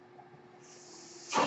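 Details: Real mechanical ventilator used by the speaker, audible while he talks during a podcast recording; the speaker identifies the noise as his ventilator; mechanical ventilator breath cycle.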